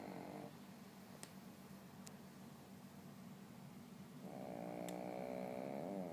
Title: 甜睡中扯鼻鼾的狗狥Jeep Jeep / Jeep Jeep's sound of snore